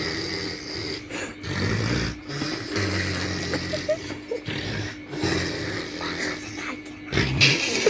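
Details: A father pretends to snore, making loud, rumbling snores in repeated bursts over steady room noise, to see his baby's reaction; imitated snoring.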